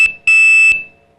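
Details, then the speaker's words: High-pitched electronic alert beeps, one short and one longer tone, from a continuous glucose monitor app (Dexcom) signaling high and low glucose readings. "este esta aplicación nos da alertas de la glucosa cuando tenemos una alta y un baja de la de la glucosa y nos nos señala con com pitidos por ejemplo"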